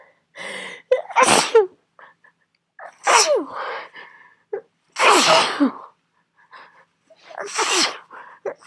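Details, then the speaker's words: Four forceful sneezes about two seconds apart, each after a short catching inhale: part of a prolonged sneezing fit during a cold. "34 34 36 I cannot stop I'm going to see at least my glasses stayed intact for that round was that 38 I think wow this is gross"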